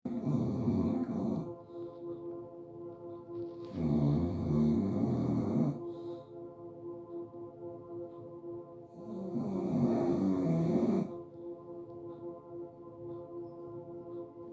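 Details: Sleeping English bulldog snoring like a human: three long, loud, rattling snores about every three seconds over a steady background hum; heavy snoring.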